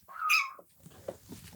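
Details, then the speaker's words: Newborn German Shorthaired Pointer puppy, little black female, after a longer time in the birth canal: a short high squeal then faint soft squeaks and snuffling, a good cry that still sounds a little gurgly as it clears its airways. "There's a good little cry. Still sounded a little Gurgly. Yeah, you can hear that a little bit."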